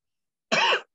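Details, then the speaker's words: Ordinary cough demonstrated voluntarily by a respiratory therapist: a single short, closed cough that stops abruptly, contrasted with a huff cough for clearing thick cystic fibrosis secretions. "how you a couple of different types of coughs we call them huff cuffs and you may have heard of these or know about them if not a huff cough is basically using the open mouth technique and what it does is it allows those secretions to be pulled slowly pushed up and then you can expect a rate so let me cough real quick"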